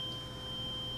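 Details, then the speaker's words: Steady, pure ringing tone of a struck 512 Hz tuning fork placed on top of the head for Weber's test during a cranial nerve exam; patient hears it equally in both ears, a normal finding. "can you hear that vibrating in your head yes can you hear it more than one year or is it equal its equal both normal finding would be the patient would be able to hear the tuning fork equally in both ears"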